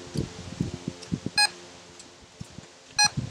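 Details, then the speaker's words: Two short bursts of intermittent beeping over soft thumps from a multi-species preg-tone Doppler probe, oiled, on a sow's right side in front of the rear leg above the nipple, 20 days post-AI; intermittent beeps mean good contact. "so once you hear some intermittent beeping that's when you know that you have good contact"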